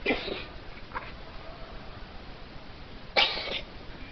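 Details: Cat coughing, described as coughing like a man: short, harsh, explosive bursts, two loud and one faint, against a steady hiss.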